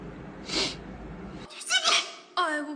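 Short, sharp bursts of air like small sneezes, with some brief voice sounds around them; sneezing.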